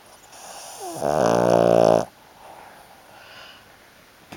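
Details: 15-year-old Shih Tzu snoring while asleep, not waking when called; a single loud, buzzy, pitched snort lasting about a second. Snoring.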